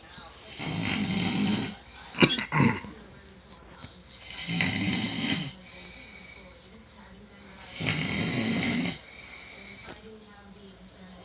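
Loud rasping snores about every three and a half seconds, with a few brief snorts between them; heavy snoring.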